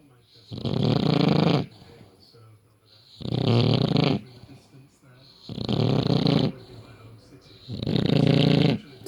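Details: Extreme snoring in a sleeping rescue British bulldog: four loud, low, rattling snores at about 25 breaths a minute with quiet gaps; snoring.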